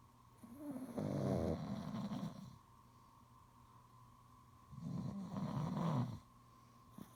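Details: Father and child sound asleep, snoring; two loud, rattling inspiratory snores about four seconds apart with quiet exhalations between, over a steady background hum.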